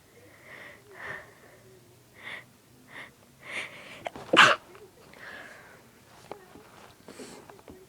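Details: Induced sneeze: a few soft sniffing breaths build to one loud, explosive sneeze, followed by quieter breathing.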